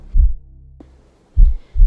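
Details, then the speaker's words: Deep, muffled, regular heartbeat thumps over a low hum: a mother's heartbeat as heard by a fetus inside the womb. "what's the very first thing that a fetus hears and feels when it's inside the womb of its mother it's mom's heartbeat now think about the effect that this constant rhythm has on an unborn baby"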